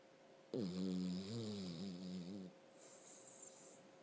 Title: Jax snoring